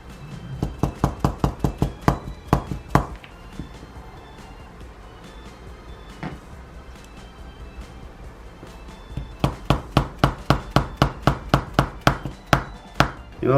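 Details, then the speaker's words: Hammer tapping in manual spinal correction at thoracic vertebrae 6–8, given for degenerative knee arthritis: rapid sharp wooden knocks, about four a second, with pauses between bursts. "이제 망치로 교정을 하게 되면 위험성을 말씀하시는 분이 있는데"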